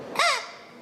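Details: Third-grade boy who swallowed a toy whistle while playing: brief, high, squawking whistle-like tone rising and falling with breath from the whistle lodged in his airway/throat, later removed surgically; inhaled whistle airway foreign body.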